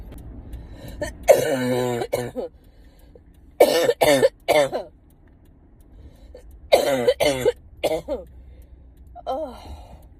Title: tiktok cough comp